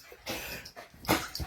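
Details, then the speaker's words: An old dog that has developed heart disease, with fluid in the lungs, gives about three harsh, hacking cough bursts: a cardiac cough. "Le vieux Didou qui est devenu cardiaque. Vous avez entendu comment il tousse? Il a de l'eau dans les poumons."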